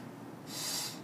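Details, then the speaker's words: A single breathy whoosh from a squeezed Ambu bag on a tracheostomy, one of five hyperoxygenation breaths at 15 L oxygen, FiO2 100%, given before suctioning in a simulated demonstration. "so I'm going to take my amboo bag remove this here connect it and then five breaths one 2 3"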